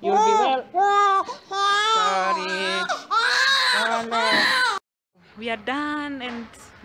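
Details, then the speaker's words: Six-week-old baby boy crying at a hospital after his six-week vaccination injection: loud, rhythmic wailing cries with a brief pause; he cried less than his parent expected. "the clinic is over my dreaded my I was fearing so much but he didn't cry as much as I thought"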